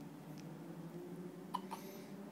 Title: Newborn days- hiccups!